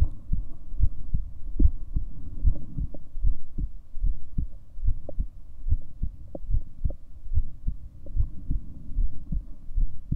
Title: 7 min recording for my heartbeat sounds